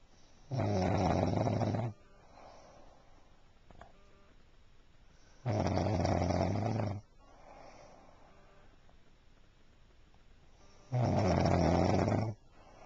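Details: Adult woman snoring while asleep: three loud, rough, low rattling snores about five seconds apart, roughly 12 a minute, with quiet breathing between; ordinary snoring.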